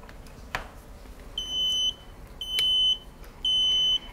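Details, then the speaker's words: Three high-pitched half-second beeps about a second apart as a veterinary IV fluid warmer is plugged in and starts working, before heating toward its 41 °C maximum; IV fluid warmer start-up alarm. "it will alarm just to let you know that it's starting to work"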